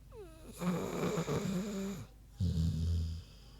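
Deep, rough snoring with snorting, then a long low rattling breath from a sleeping pig; ordinary snoring.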